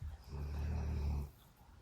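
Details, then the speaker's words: English Mastiff, a large dog that snores a lot, asleep in the background at night: single low, rumbling snore lasting about a second; snoring. "And you can hear my dog snoring. That is our English Mastiff, Emmy. If you haven't met her yet, she snores a lot."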